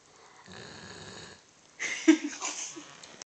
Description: My poor dog is always snoring so loud.